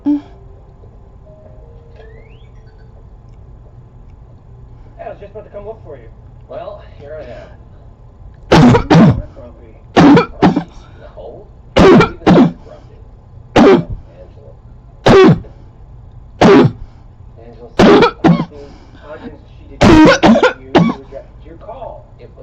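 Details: Adult's harsh barking cough in close-up, recorded in 2014: repeated loud barking coughs in single and paired bursts with quiet gaps.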